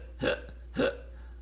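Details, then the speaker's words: Hiccups voiced during a read-aloud children's story about curing a teacher's hiccups: two short, abrupt voiced hiccups about half a second apart over a low steady hum. "hey i don't have the hiccups anymore"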